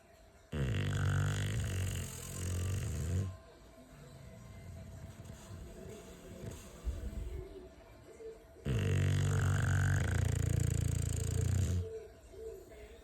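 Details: A bulldog's heavy snoring, which the owner jokes sounds like a pig. Two long, loud, low rattling snorts come about eight seconds apart, with quieter noisy breathing between them.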